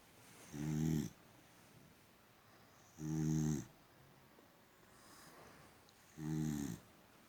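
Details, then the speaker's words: Female boxer dog snoring while peacefully sleeping: three low, rumbling snores about every 2.5 seconds, roughly 24 per minute, with quiet breathing between them. "Are you snoring and sleeping, gorgeous?"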